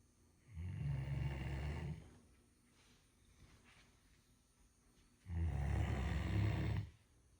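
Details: Female Great Dane napping comfortably in her crate after her bed was cleaned, giving two loud, low, rattling snores separated by a quiet exhale: snoring.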